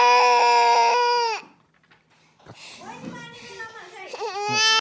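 Loud sustained wail, a pause, then rising whimpering cries building again; ordinary infant crying.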